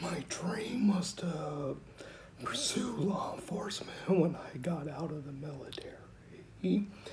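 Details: 49-year-old man with rare mixed adductor/abductor spasmodic dysphonia, diagnosed at 35 (14 years ago), self-described somewhat severe; Botox injections wear off quickly and he needs his next one; spasmodic dysphonia (mixed adductor/abductor).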